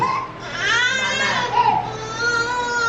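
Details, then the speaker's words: Infant, a girl, crying with high, wavering, tonal wails in a large echoing room during a church sermon; infant crying. "Y'all hear how that baby crying?"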